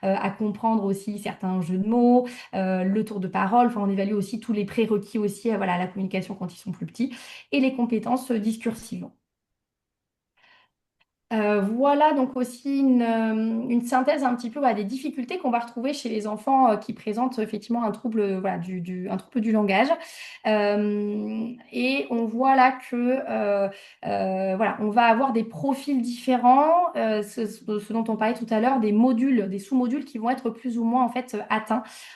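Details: Adult speaker; typical adult speech.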